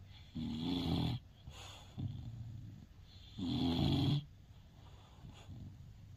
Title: Shhh, excuse my snoring 😴